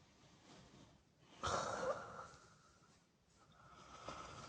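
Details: Person snoring loudly, described as like a monster: a loud snorting, rattling snore on an in-breath, followed by quieter noisy breathing.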